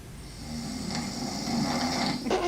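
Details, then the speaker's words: Man filmed asleep in his bed at night, day 1 of a month of self-recording, snoring steadily, later with small whistling sounds; snoring during sleep. "démarre. Il ronfle. Oula. Quand même."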